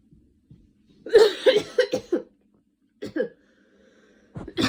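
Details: Person still sick with a cold, recent fever, inhaler user: a run of harsh, chesty coughs followed by a few more, a coughing fit during a common cold.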